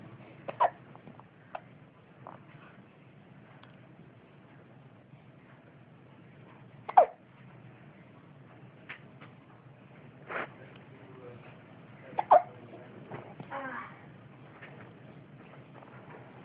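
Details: Short, sharp hiccup-like clicks at irregular intervals, about 11 a minute, over quiet room noise; hiccups.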